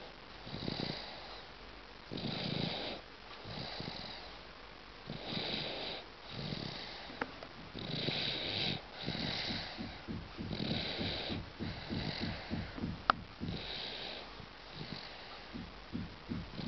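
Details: 8-month-old baby snoring: soft, rhythmic, rattly noisy breathing at about 24 breaths a minute, with light snoring on each breath.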